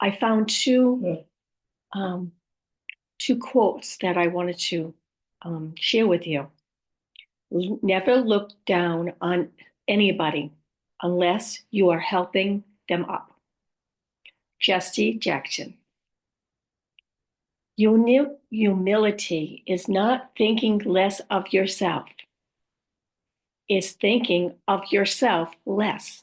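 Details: Woman with aphasia after a stroke, who also mentions apraxia and dysarthria among her communication challenges; aphasia.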